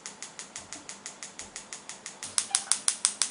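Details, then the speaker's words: Focused shockwave therapy on a rock climber's index finger for an ulnar collateral ligament injury at the distal interphalangeal joint, from four months ago, during his fourth treatment: regular sharp ticking pulses, about 3 per second, growing louder. "so to use a frequency of six it's simply because we find at six Hertz it gives a reasonable speed of treatment"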